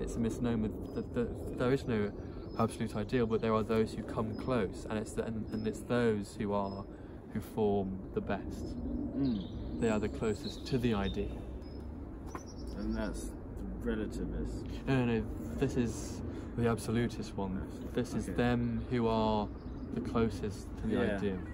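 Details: Adult who stutters (self-described stammerer) speaking on a podcast about stuttering and speech techniques; stuttering.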